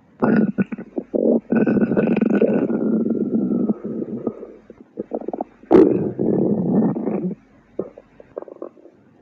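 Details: Stomach growling (borborygmi).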